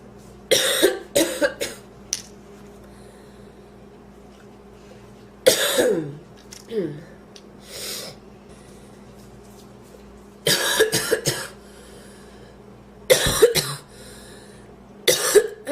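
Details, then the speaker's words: Woman in a coughing fit after inhaling part of a sandwich: repeated forceful coughs in clusters with throat clearing and strained breaths. She felt she was choking, lightheaded, with food in her windpipe and pain; coughing fit after food aspiration. "i haven't had a coughing fit like that in a long time i thought i was going to choke to death before i put the camera on"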